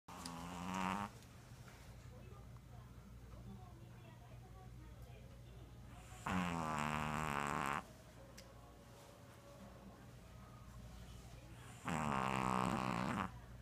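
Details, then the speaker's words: Dog snoring very loudly: three loud, buzzing, vibrating snores, each about one to two seconds long, spaced several seconds apart over steady low room hum. "Hachi. Hachi, you're snoring. Hachi, you're snoring. Hachi, you're snoring."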